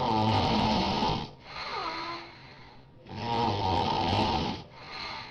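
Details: A friend's very loud snoring, keeping the recorder awake: loud, rough, rattling snores on each inhalation, two in about five seconds, with quieter exhalations between.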